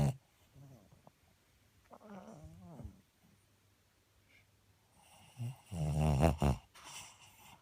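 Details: A sleeping dog snores with low rumbling, fluttering breaths and a louder snort-like snore near the end: snoring.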